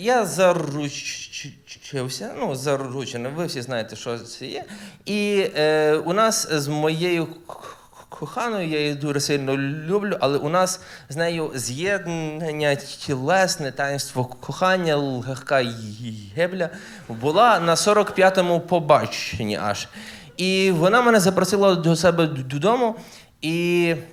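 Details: Adult male stand-up comedian who says he stutters, performing live; genuine self-reported stuttering.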